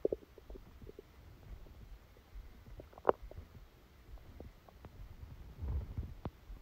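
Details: Bowel sounds during a stomachache after Christmas dinner, recorded while sleeping: faint irregular gurgles and soft pops from the belly, with a louder gurgle midway.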